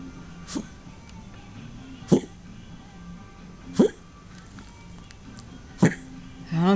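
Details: Odd, hiccup-like dry cough from a female dog: four short, abrupt, jerky bursts about two seconds apart over faint background music; owner thinks she may be sick.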